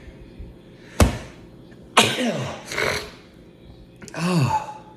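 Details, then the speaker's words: Person recording a late-night fantasy football update hit by a sneeze attack mid-sentence: several sharp explosive bursts in quick succession, each followed by a voiced trailing sound, over a low room hum. "I said Diggs would be trailed by a sneeze attack."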